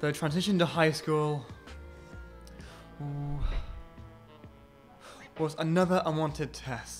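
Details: Man aged 20 who has had a stammer since age 5 or 6: stammer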